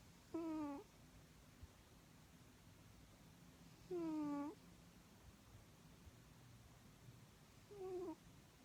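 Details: Sleeping cat snoring: three short, tonal, growly snores spaced several seconds apart, likened to Chewbacca; ordinary harmless snoring.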